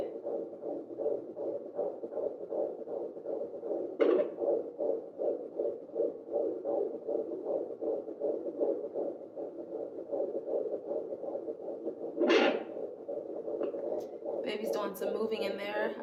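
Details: Fetal heartbeat on an at-home pocket fetal Doppler in a fifth pregnancy, probe left of the belly button near a C-section scar; rapid whooshing beats at about 155–160 a minute, louder with pressure, interrupted by swishing fetal movement bursts.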